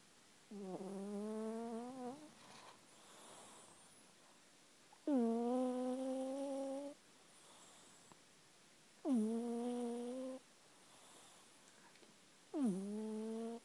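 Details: Sleeping cat snoring: four long, tonal, rumbling breath sounds about 15 times a minute, each followed by a quieter breath.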